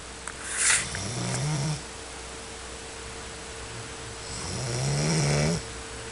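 Two long, low rattling snores on in-breaths about four seconds apart, with a steady hum in the room; ordinary snoring.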